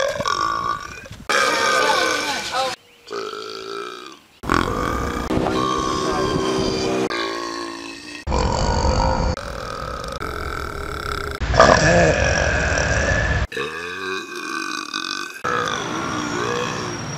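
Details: Repeated burping: a run of loud, drawn-out, voiced belches separated by brief gaps, with some speech mixed in.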